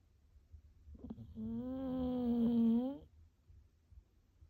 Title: 犬のイビキがスポーツカーみたい😂 Dog Snoring Like a Sports Car #Shorts